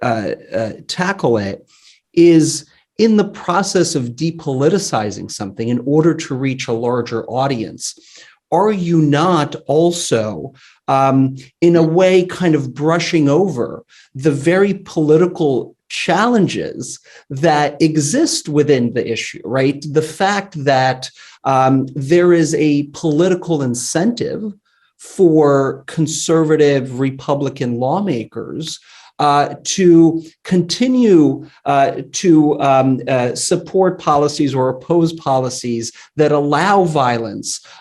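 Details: Adult man speaking; normal speech.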